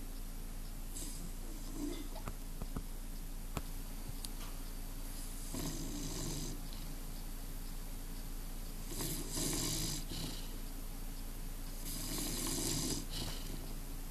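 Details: Bulldog sleeping in the sun, snoring: faint rasping snores in slow bursts every few seconds over steady room hum.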